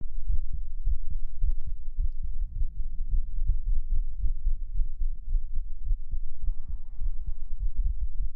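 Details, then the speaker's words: Pre-recorded heartbeat for an ASMR stream: steady, soft, low thumps in a regular rhythm under a constant low hum; a normal heartbeat. "How was the heartbeat? So, I hit a a lower thump. These are beats have been pre-recorded so I can do brain tingles tonight."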